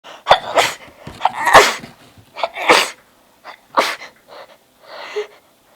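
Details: Sudden random sneezing attack: a rapid run of about six sharp, snorting sneezes with quick breaths between; a sneezing fit.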